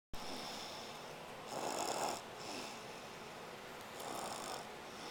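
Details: Person sleeping: two soft, rough breaths, each about half a second, over steady room noise; light snoring.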